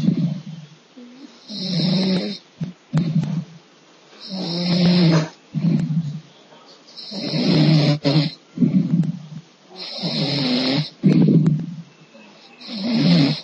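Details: Loud rattling snores, some with a brief catch, recurring unevenly about 20 times a minute in a quiet room; snoring.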